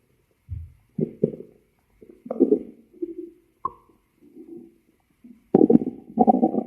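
Intermittent gurgling and rumbling bursts with quiet gaps between them, typical stomach growling from gas and fluid moving through the bowel.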